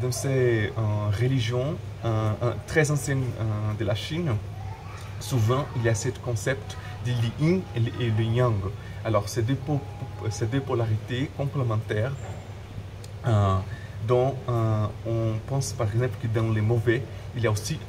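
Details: Adult man who stutters, speaking French; word and phrase repetitions; stuttering.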